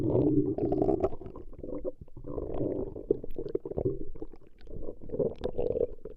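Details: Recording of a woman's stomach growling: continuous loud gurgling rumbles rising and falling in waves; ordinary stomach growling (borborygmi).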